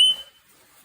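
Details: A single brief high-pitched electronic tone that fades quickly as an Audien ATOM rechargeable completely-in-canal hearing amplifier is switched on, showing the device works.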